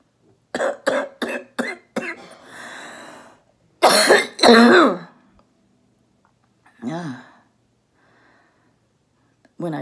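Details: Adult female orthopedic surgeon recovering at home from COVID-19, doing a phlegm-clearing exercise: short voiced huffs and an inhaled breath, then strong harsh loose rattly coughs; a productive (wet) cough.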